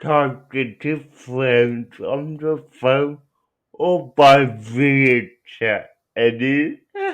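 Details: Young adult man with cerebral palsy who uses a wheelchair, out of school six years; dysarthria (cerebral palsy).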